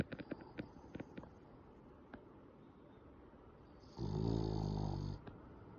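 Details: French bulldog snoring with her eyes half open: a few soft clicks and taps, then a single loud, rattling, buzzy snore lasting about a second.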